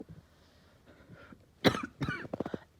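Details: Uncontrollable, really bad barking night cough: quieter throat noises, then two loud, harsh cough bursts and a quick run of short coughs in a small room.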